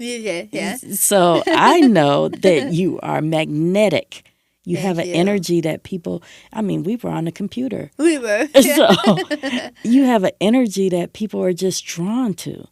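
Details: Adult woman after stage 4 tongue cancer, with over half her tongue removed and reconstructed with an arm skin flap, followed by chemotherapy, radiation and speech therapy; her voice changed; altered articulation after partial glossectomy.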